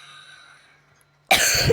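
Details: Cough from a speaker who is ill and apologizes for coughing, recorded amid talk.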